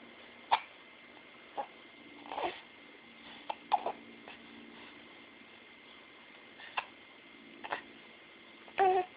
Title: Hiccups! :D